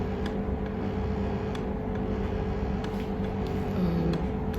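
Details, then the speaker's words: Steady low motor hum with faint rapid rhythmic clicks: an electric breast pump running in its stimulation phase, described by the mother as not very loud. "and yeah if you can hear it this that actually this is the sound of the stimulation phase and the"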